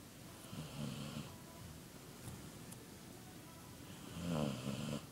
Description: My dog is snoring while sh sleeps funny my dog is an Irish setter